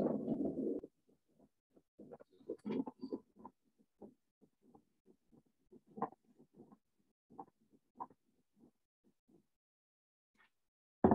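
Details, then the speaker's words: Faint, scratchy, grating bursts keeping time with the heartbeat, played as an audio example in a cardiology class describing ST-segment depression on the ECG: pericardial friction rub. "pues ese va a ser el frote pericárdico y va a ser un fenómeno sí esto sí esto lo diastólica"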